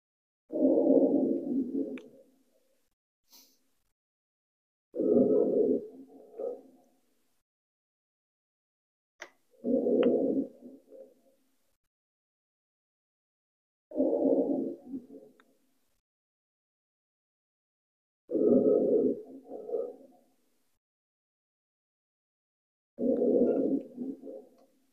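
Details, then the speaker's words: Recorded rhonchi: low, rumbling, snoring-like sounds with each breath, on both inspiration and expiration, about 13 breaths a minute. "all right so you get the idea right so it's going to be uh disturbance of breath sounds on both inspiration as well as expiration"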